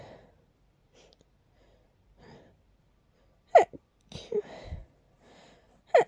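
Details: Dust-triggered sneezing while cleaning a long-uncleaned, very dusty part of a room: soft breathy sneezes, then a quick fit of several sharp sneezes close together, in a quiet room.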